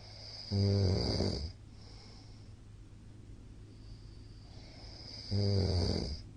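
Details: Heavy snoring from a sleeping middle-aged man, recorded 13 March 2022 and described as very loud: two loud, deep, rattling inhaled snores about five seconds apart with quiet breathing between.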